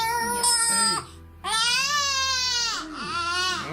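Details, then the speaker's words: Baby girl crying during a chiropractic colic session while her mouth, palate, gums and oxygenation are checked: loud, sustained crying in long wails with brief pauses for breath; a full, strong cry. "don't mind too much if she cries for a minute because it actually allows me to see inside her mouth and check her palate and their gums and the blood supply their oxygenation"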